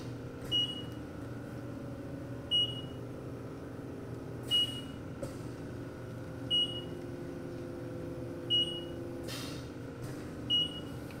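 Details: Six short high beeps, evenly spaced about every two seconds over a steady machine hum: alarm of a new Philips Respironics oxygen concentrator during purity testing with an Envitec oxygen monitor.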